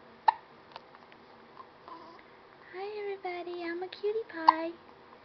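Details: Happy baby with hiccups: several small, sharp hiccups with cooing between them in a quiet room; hiccups.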